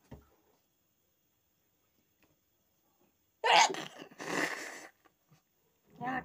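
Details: Sneeze during a sneezing challenge using paper: a sharp explosive burst, then a breathy rush of air and a softer sound at the end, in a quiet room.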